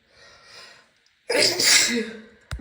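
A soft indrawn breath, a pause, then one loud explosive sneeze; a single sneeze.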